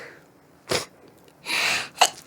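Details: Adult's acted sneeze, person says they have chronic rhinitis that seems worse with the change of seasons: short sharp burst, longer hissing expulsion, then a sudden explosive snap in a quiet room. Sneeze.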